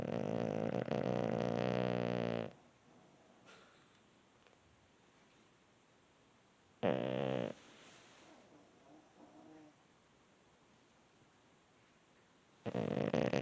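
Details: Sleeping pug snoring like a man: loud, rattling snore bursts with quiet gaps between breaths; snoring in a flat-faced dog.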